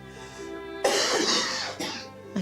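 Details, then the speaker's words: Adult with phlegm stuck and hard to bring up, keeping them awake, gives two loose, wet-sounding coughs with soft background music: chesty productive cough. "chesty cough productive what you mean productive cough and stuff like oh yeah I can't get it up that's the problem"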